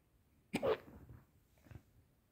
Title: hiccups are back